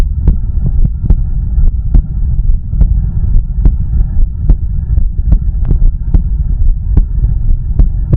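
Steady low thumps at about 72 a minute over a constant deep rumble; a regular, normal-rate heartbeat.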